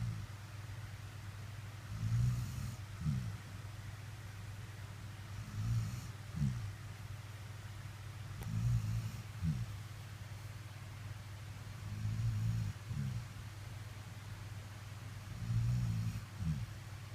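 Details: Sleeping snorer: low rumbling snores about every four seconds, roughly 15 breaths a minute, each inhale followed by a soft snort; snoring.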